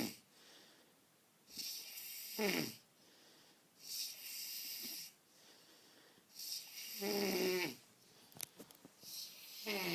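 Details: Slow, rough, rattling snores on breathing in, about four to five per ten seconds, with quiet pauses between them; snoring.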